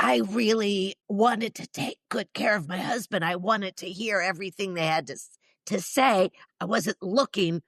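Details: Woman in her mid-60s with neurological (basal ganglia) spasmodic dysphonia plus essential tremor, especially affecting vowels, treated with Botox injections to the vocal cords; spasmodic dysphonia.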